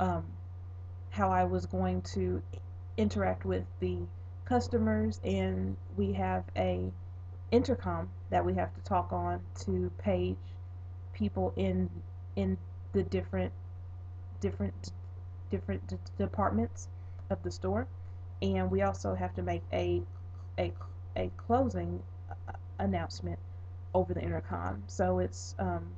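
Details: Adult woman who stutters a bit in daily conversations and interviews; stuttering.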